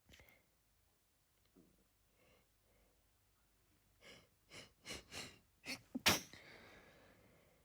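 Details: Sneezing after being outside all day: a quiet breathy build-up, then about six sharp sneezes, the last the loudest, followed by sniffing.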